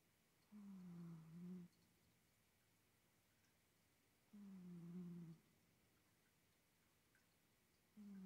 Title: ASMR cat snoring